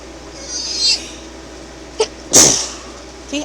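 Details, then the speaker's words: Adult sneezing fit just after nearly choking on a sip of tea: a soft, catching inhalation followed by one sharp, explosive sneeze, part of a run of sneezes. "first I nearly choked to death and now I'm going to sneeze my head off"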